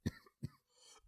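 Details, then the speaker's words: Adult coughing during a podcast conversation: two short, sharp cough bursts followed by a faint breath. "god you hear that cough it's alright get it out cough it out coughing out last week's losses"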